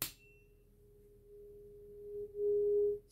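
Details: Simulated ear exam roleplay for a patient with some hearing loss and suspected wax buildup, one side harder to hear: a steady pure humming tone from a struck tuning fork slowly swells then stops during the tuning fork hearing test.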